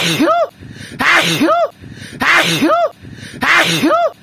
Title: sneeze 1 hour